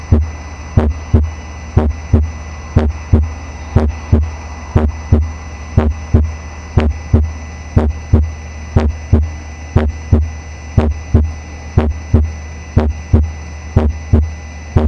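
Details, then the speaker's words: Split first heart sound on a simulator, tricuspid area, timed with the carotid pulse: regular beat about 60 a minute, the first sound slightly doubled ("prapa"), the two parts barely distinguishable, with a steady background hum. "Ahí pasamos a escuchar nuevamente el R1 desdoblado. Entonces recuerden que el R1 desdoblado se escucha alrededor del R1, obviamente."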